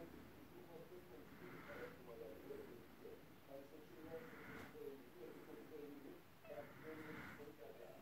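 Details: Sick pet budgerigar (muhabbet kuşu) breathing with a soft rasping wheeze and faint whistling tones, laboured breathing: wheezing.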